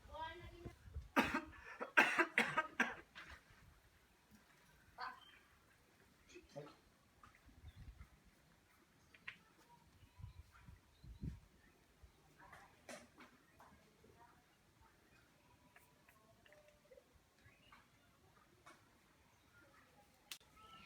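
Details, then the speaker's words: Acted demonstration of proper cough etiquette for COVID-19 prevention: a few muffled coughs covered as if into a sleeve, then quiet room sounds. "Nah video yang tadi itu adalah contoh penerapan etika batuk yang baik dan juga"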